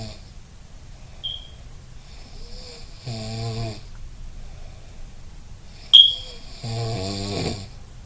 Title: Snoring Season